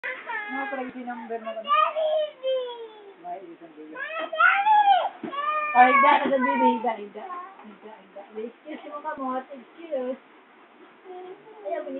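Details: Infant crying loudly in repeated rhythmic wailing bursts with breaks for breaths, in a small room.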